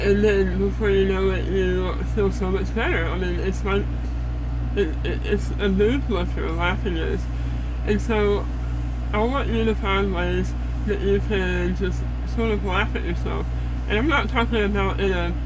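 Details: Adult woman after stage 4 head and neck cancer, with repeated strokes, a neck hole, a feeding tube and food coming out of her nose when eating; she finds some words hard to say: hypernasal, muffled voice after head and neck cancer treatment.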